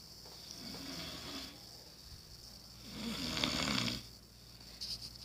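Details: Sister snoring while sleeping: two soft, noisy, rattly breaths over a few seconds in a quiet room, light snoring.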